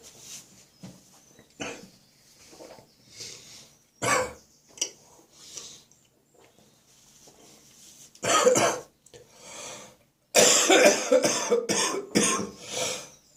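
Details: Deep, wet cough stuck in the chest during a spring cold: several loose, rattly coughs in bursts with quieter breaths between; a wet productive cough.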